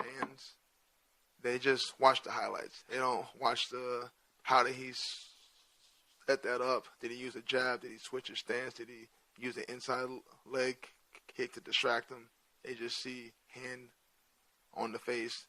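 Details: Adult male with stuttering present since childhood, which he says is hereditary (his father also has a speech impediment) and not caused by CTE; he says he largely got over it by around age 27–28.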